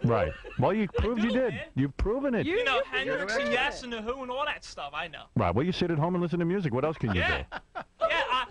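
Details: Adult male speaker; fluent speech.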